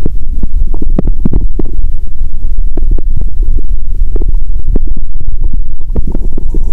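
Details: Self-recording with a stethoscope on her own abdomen after fasting over 15 hours; hungry stomach; bowel sounds.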